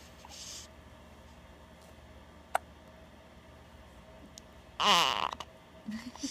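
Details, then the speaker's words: Brief sharp sneeze, preceded by a tiny click, from a 3½-week-old baby boy who had been having hiccups, in a quiet room with soft adult voices afterward. "Oh, bless you. Oh, bless you. Oh, bless you."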